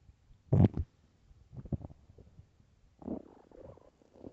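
A sharp low gurgle followed by softer bubbling rumbles from an empty stomach, ordinary bowel sounds.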